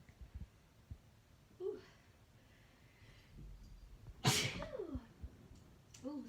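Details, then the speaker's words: Young woman sneezing induced by Chhinkni snuff: one loud, explosive, wet sneeze bursts out after a quiet stretch of faint breaths and small vocal sounds, while trying to hold back. "See, the thing with Chhinkni is once you get started, it's hard to stop. So as I like hold back, it makes it easier to not sneeze, but if I sneeze, ooh."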